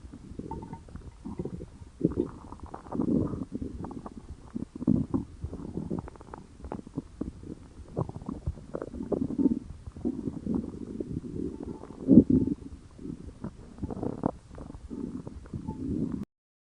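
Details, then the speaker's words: Low gurgling, rumbling abdominal sounds in irregular bursts, described as the tummy grumbling; stomach growling. "Oh no! My tummy is grumbling for the first time."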